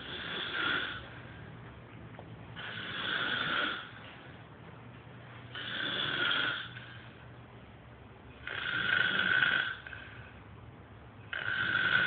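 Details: Man snoring, recorded for his snoring problem: loud, rough snores with each in-breath, about five in twelve seconds, with quiet pauses between.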